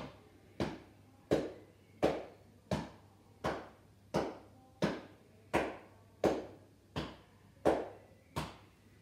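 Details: Cupped-hand chest percussion over the back between the lower ribcage and shoulders, a physiotherapy airway clearance technique to loosen lung secretions; steady hollow claps, about 85 a minute.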